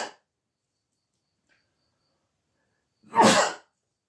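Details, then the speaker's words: A single sharp, explosive burst of about half a second after quiet, from an adult who says she may sneeze again, with a faint tail of another noise at the start; sneeze. "ou là je peux encore éternuer oh là là c'est pas"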